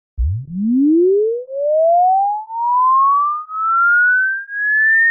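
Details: Online hearing-test tone: a steady pure tone sweeping smoothly from very low to high pitch, a hearing-test frequency sweep.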